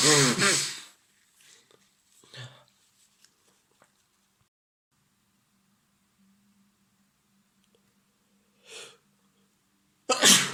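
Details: Simulated scenario of a boyfriend with a bad cold: a sharp sneeze at the start and another at the end, with quiet sniffs and breathing between in a small quiet room; sneezing.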